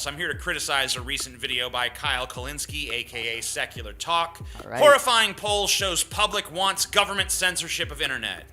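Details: Adult male speaker; typical speech.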